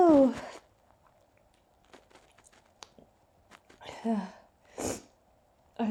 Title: i really tried to holdback my sneezes :(